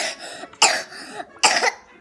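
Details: Two short, sharp coughs about a second apart from a child, with faint background music.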